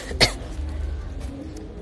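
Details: Person who is sick with a cough: a single short, harsh cough followed by low background noise.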